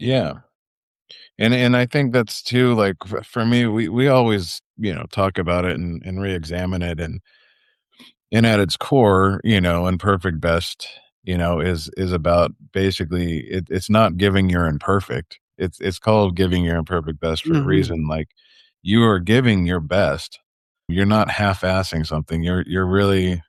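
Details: Adult man speaking; normal conversational speech.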